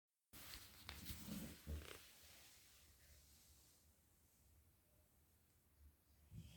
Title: Yellow Labrador retriever, Mulan, snoring away loudly in her sleep